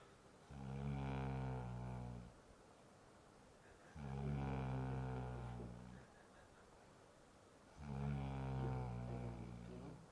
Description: kills others sleep for completing his own sleep!